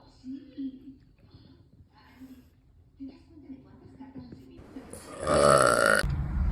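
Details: A stuffed, chubby girl burping: low murmuring vocal sounds, then one long, loud, rumbling belch lasting about a second.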